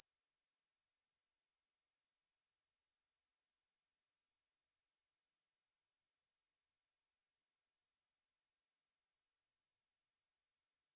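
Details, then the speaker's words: Steady, very high-pitched 12,000 Hz pure tone from a hearing-age test; 12,000 Hz as the last audible frequency corresponds to a hearing age in the 60s; high-frequency hearing test tone. "나이라는게 있어요 청녕 나이이 주파수를들을 수 있는지 없는지에 따라서 나이를 가늠할 수 있거든요"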